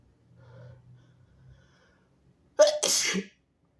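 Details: A sick nonbinary person sneezing, with some harsh coughing elsewhere in the recording: soft breathing, then a single forceful, harsh sneeze with a sharp burst of air.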